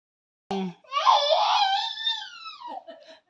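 A brief click, then one drawn-out, high-pitched wail trailing into short whimpers, a single baby cry in a quiet room.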